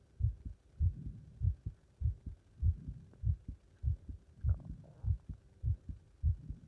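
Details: Heart sounds after leapfrog exercise: regular, strong two-part heartbeats at about 100 per minute, mildly fast but normal after exertion; normal heart sounds after exercise.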